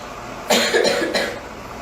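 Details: Girl (child) coughing: two loud, harsh cough bursts close together against faint room noise; a persistent cough.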